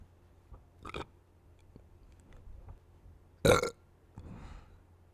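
A few belches, one loud and drawn-out, in a quiet room.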